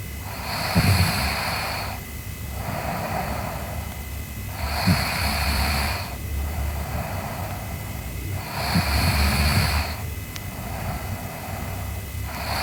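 Loud rough snores on each breath, about 15 a minute, with a snorting quality; snoring during sleep.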